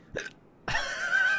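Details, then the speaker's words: A single short, sharp hiccup from an adult, recurring during a live-streamed video game session, followed by louder background game music and sound. "why is the hiccups what is the hiccups Who am the hiccups we just don't know"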